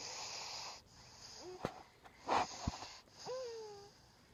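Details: 3-month-old infant snoring during sleep: short, high, whistling nasal breath sounds and a snort.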